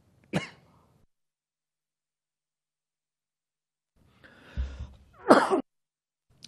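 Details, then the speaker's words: Adult man coughing during a press conference after eating an almond just before speaking: two short, harsh cough bursts with a throaty clearing sound between them. "esto el problema es que me he comido una almendra justo antes y me he comido una almendra junto justo antes de empezar a hablar no se preocupen ya está solucionado"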